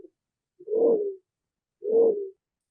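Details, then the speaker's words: Pulsatile tinnitus from a dural arteriovenous fistula, as patients hear it: rhythmic, tonal whooshing pulses in time with the heartbeat, which grow louder and faster as anxiety raises blood flow through the fistula. "it can be quite distracting debilitating and as people get anxious or worried about this sound it gets louder it gets faster because the amount of blood flow going through this abnormality then goes up."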